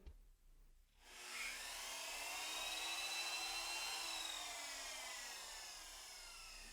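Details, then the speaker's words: Cadaveric shoulder surgery, bone block cerclage with distal tibia allograft for glenoid bone loss: brief pause, then steady high-pitched whine slowly dropping in pitch as a 3 mm drill makes a tunnel over a 1.1 mm wire. "So we like this. And now we'll drill."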